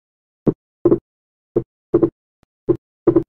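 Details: Heart sound teaching recording, slow rhythm about 54 a minute: single first sound, widely split second sound that stays split throughout respiration and does not fuse on expiration; wide persistent splitting of S2 in right bundle branch block.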